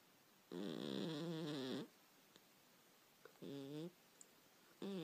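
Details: Sleeping male cat snoring with repeated buzzing, vibrating breaths and short pauses between them.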